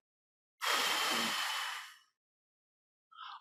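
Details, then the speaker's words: Demonstration of the huff in the forced expiration technique of the active cycle of breathing, used to move phlegm from the lower airways: a single long, open-mouthed, breathy exhalation of about 1.5 seconds. "all right so it's very important to do the half to bring flame from the lower parts of the airways"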